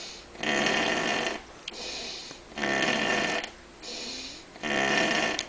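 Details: Loud, harsh snores alternating with softer breaths out, about one breath every two seconds; heavy laboring snoring in a sleeping man.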